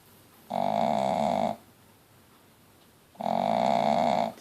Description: Contented new mummyToya snoring away (shih-Tzu) with her 4 Mal-shi puppies 5 days old.